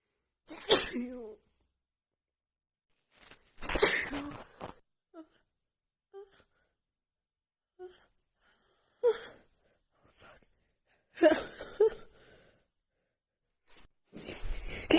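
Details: Female with a cold and a blocked nose, after sniffing a tiny bit of black pepper: repeated forceful sneezes in quick succession with brief gasping breaths between them; a sneezing fit.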